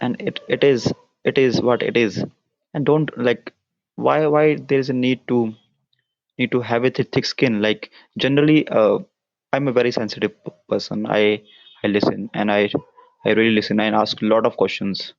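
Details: Stuttering (stammering) in an adult man whose stutter began at around nine years old and persists into adulthood, with repetitions noted.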